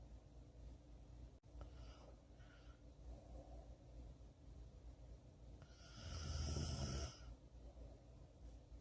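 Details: Snoring sound effect, labeled as both female and male snoring.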